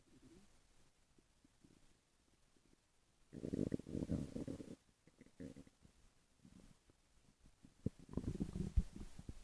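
Low, gurgling rumbles come and go in bursts against quiet room noise: stomach growling, the ordinary sound of gut movement.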